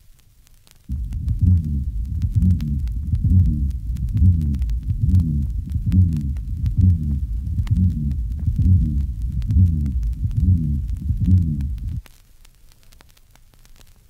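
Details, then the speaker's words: Aortic regurgitation in a 1965 teaching recording: an early diastolic murmur with a musical, seagull quality, suggesting retroversion or perforation of an aortic leaflet. "when the early diastolic murmur has a musical or seagull quality retroversion or perforation of antiordic leaflet is suggested listen to this murmur we've heard of figure 114."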